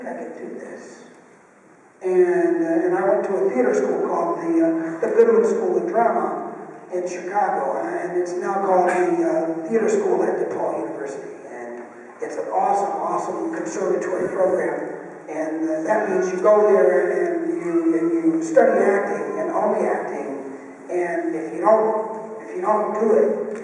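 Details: Unilateral vocal fold paralysis in a male, caused by a neck injury at about age 9 when he ran into a clothesline; one vocal cord is bruised and one paralyzed, letting excess air escape.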